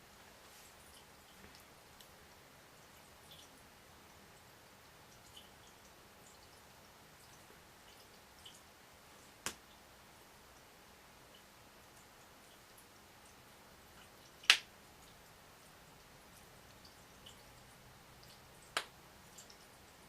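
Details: Girl cracking her knuckles and toes: three sharp, isolated pops over a quiet background; harmless joint cracking.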